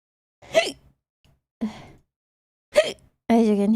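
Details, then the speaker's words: Three abrupt, brief voiced catches about a second apart, then the start of a held voice, from a person with hiccups. "Hey, Hello. I got hiccups."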